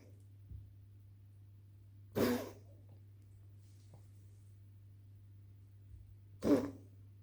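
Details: Dog coughing, recorded 28 Oct 2025 at 22:30: two short, harsh, forceful bursts several seconds apart over a steady low hum.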